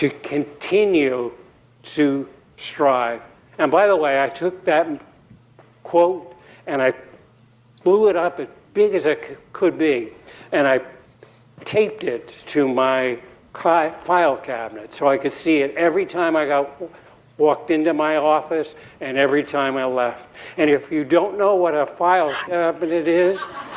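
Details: Adult man giving a TEDx talk at an earlier recovery stage, about five or six years before a later interview, with aphasia from a 2017 embolic stroke due to atrial fibrillation, still speaking poorly then; recovering post-stroke aphasia.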